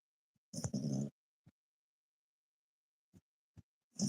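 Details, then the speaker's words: Sleeping dog, described as snoring very loudly: a rough, snorting snore followed by soft, low breathing pulses in a quiet room. "can you guys hear the dog snore see if I I moved him he's not going to snore now this dog snores so loud dude I'm surprised I could sleep through it"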